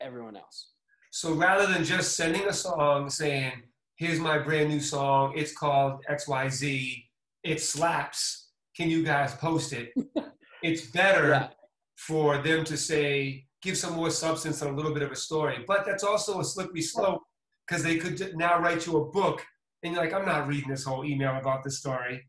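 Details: Adult male speaker; ordinary speech.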